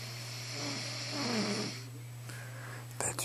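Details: A single rough, rattling breath sound over a steady low hum; snoring.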